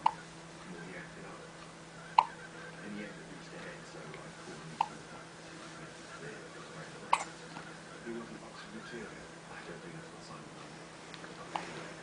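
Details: Hiccups: five sharp, brief hiccup sounds at irregular intervals of a few seconds over a quiet room background.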